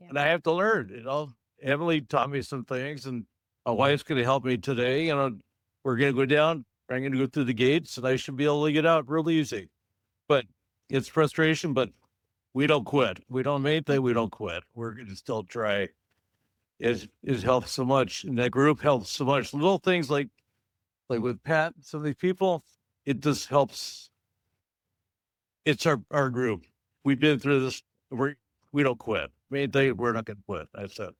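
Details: Stroke survivor, aphasia support group member for six years; aphasia.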